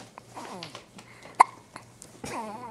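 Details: A newborn girl getting hiccups while being burped by her father, which happens every time: a single sharp hiccup amid soft baby sounds and a parent's quiet voice.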